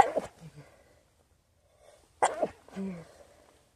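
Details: Staged scenario of a person sneezing into a new feather pillow their nose seems not to agree with: two short, partly muffled sneezes, the second followed by a brief sniff or snort.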